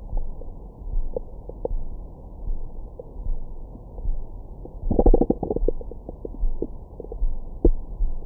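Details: Own abdomen recorded with a stethoscope microphone after a large meal: continuous low rumbling with bursts of gurgles and squeaky pops, active bowel sounds.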